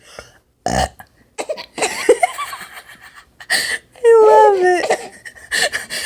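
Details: Loud drawn-out burp amid voices while a 3-month-old baby laughs, the baby's first time laughing. Ordinary belching.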